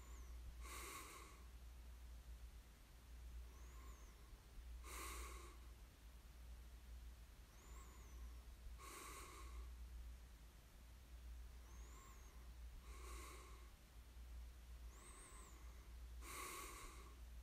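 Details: Snoring during sleep: soft, breathy snores with quieter whistling in-breaths, about 10 breaths a minute, over a low background hum; light snoring.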